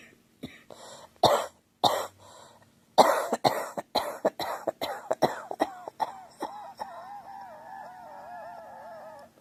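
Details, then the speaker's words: Unwell girl who says she keeps coughing hard and it hurts her throat and chest: about a dozen harsh, repeated, forceful coughs trailing into whimpering, strained vocal sounds; cough. "I keep coughing hard and it's like hurts my throat my chest hurts"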